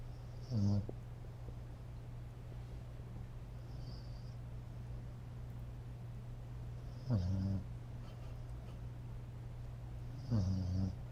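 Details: Snoring from a sleeping foster dog, tired after training: three brief, irregular snorts over a steady low background hum; ordinary sleep snoring.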